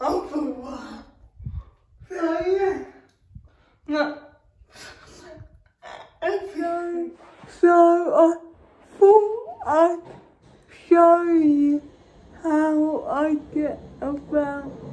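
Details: Dysarthric speech in a female vlogger with cerebral palsy, real everyday speech.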